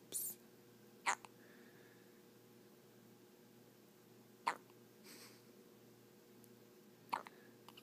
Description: Poor little 5-day-old baby has the hiccups. This does not amuse him!